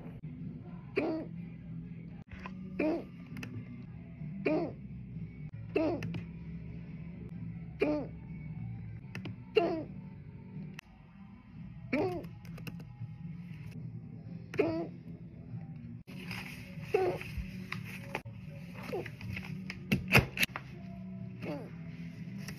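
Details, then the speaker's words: Sharp, abrupt bursts about 30 a minute from an adult at work trying to hold in hiccups, reporting a headache from them, over background music and room noise; hiccups. "I headache from hiccups I'm trying to hold them inside so I send you back home yeah if I open my mouth the hicup is going to be very loud the whole office is going to hear it"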